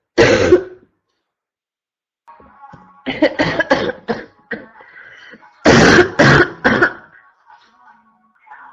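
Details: Repeated loud, harsh, hoarse barking cough bursts in quick clusters, constant coughing, amid faint background music.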